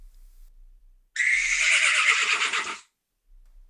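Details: Simulation by a person with one functional ear of how a horse's whinny sounds through their cochlear implant two years after activation: hissy, thin, blurred, with only a faint wavering pitch.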